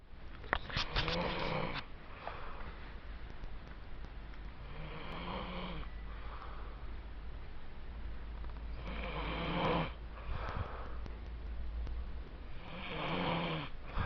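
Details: A man, the uploader's brother, snoring during sleep: rough, rattling snores on each breath, about five in fourteen seconds, over a low room hum.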